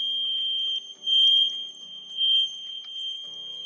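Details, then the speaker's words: Steady high-pitched electronic alarm, louder in pulses, on an Invacare Perfect oxygen concentrator during a high-pressure alarm test: main valve coil failure causes pressure build-up, the compressor shuts down, and a continuous alarm sounds with a service indicator light. "The continuous audible alarm is also accompanied by a lead service indicator light."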